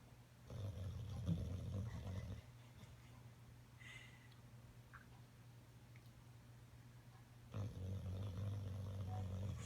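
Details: Bulldog sleeping deeply on a couch, lip caught on the cushion: deep, rumbling, low-pitched snores, two long rattling breaths separated by quieter breathing; snoring.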